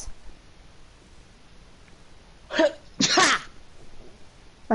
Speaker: you okay? I just sneezed. I can tell. I sneezed like a Chinese person.